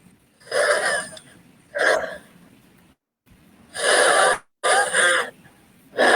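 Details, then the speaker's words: Noisy, harsh breaths in an infant or child, with a whistling sound toward the end of each breath from narrowed airways; wheezing, described as a typical asthma symptom in children. "Yang macam bersiul tu Yang ujung-ujung tu. Yang ujung-ujung bunyi tu. Itu adalah bunyi wheezing."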